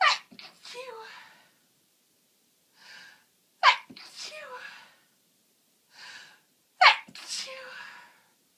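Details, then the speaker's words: Three forceful sneezes in quick succession, each a sharp intake and loud burst, then gasping exclamations; repeated uncontrollable sneezing with a cold, watering eyes, nose getting blocked; sneezing. "I've actually got tears running down my face from sneezing so much. And when I'm at work, I try so hard to stifle them into tissues, but now I'm at home, oh, they're so strong."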